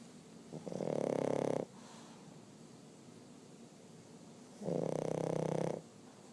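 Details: Sleeping dog snoring: two loud, rattling, vibrating snores about three and a half seconds apart, with quiet breathing between them.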